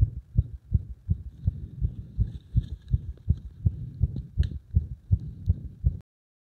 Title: 不整脈多めな圧迫心音